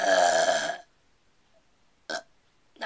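A long, loud, voiced burp lasting nearly a second, then two short burp-like bursts after a pause.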